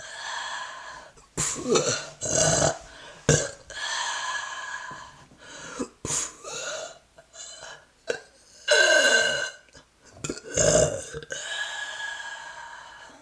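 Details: Series of loud, drawn-out throaty belches with gulping sounds between, recorded close up; repeated burping.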